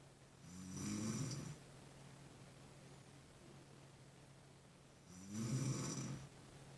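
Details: Snoring during sleep: two slow, rattling snores about five seconds apart, with steady quiet breathing between them; ordinary snoring.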